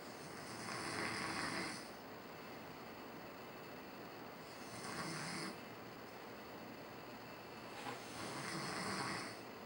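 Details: Typical snoring during sleep: three rough, rattling snores at a slow, uneven rhythm, about 16 a minute, with quiet pauses between them. Ordinary snoring.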